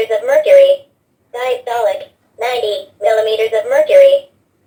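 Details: Dr.Trust talking digital blood pressure monitor used by a person with hypertension; readings of 154/91 before and about 88 after 15 minutes' rest. A synthetic voice reads out the measurement in short phrases separated by pauses.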